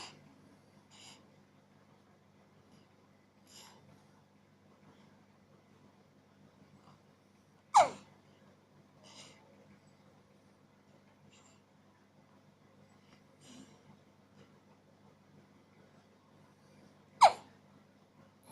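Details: 4-day-old baby with hiccups: quiet breathing broken by two sharp, sudden catches about ten seconds apart, with softer ones between.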